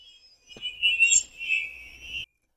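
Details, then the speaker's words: Hearing aid acoustic feedback: a hearing aid set to full target gain, placed in the ear, gives a screeching, high-pitched, chirping whistle. "Right now, if I were to put this in my ear right now, you can hear the feedback. It's a screeching high-pitch whistling noise. You can hear it's just chirping away."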